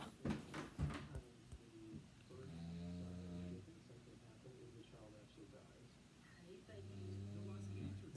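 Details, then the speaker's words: Snoring from sleepers in a boarding house, heard while the speaker talks. "So I can hear, we can hear some snoring."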